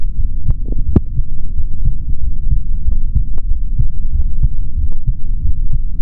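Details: Adult male heartbeat heard through a stethoscope on the body, recorded for ASMR without talking: steady low thumping beats over a constant low hum.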